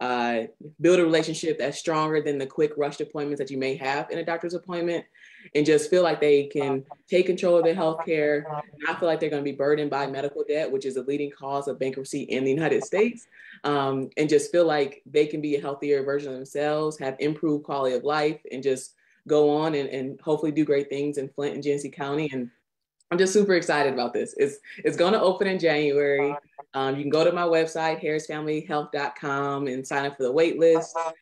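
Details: Adult speaker; normal speech.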